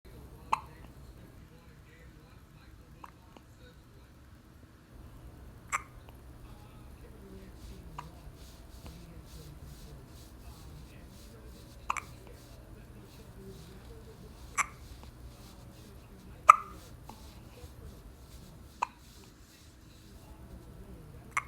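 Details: Newborn a few hours old with first hiccups: soft brief hiccups about every two to three seconds, around eight, against quiet room noise.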